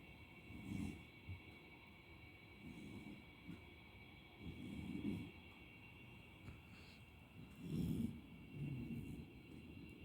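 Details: A sleeping Beagle puppy gently snoring, with soft, low rumbling breaths every few seconds over a steady background hum.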